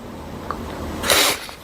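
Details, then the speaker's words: A single sharp, hissing sneeze through nose and mouth over faint room noise; allergic sneezing, which the sneezer suspects comes from pollen on a cardboard box. "やばい。またくしゃみがやばいよ。"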